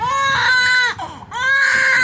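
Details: Small baby crying during ear piercing: loud, sustained wails broken by a brief catch of breath; ordinary distress cry.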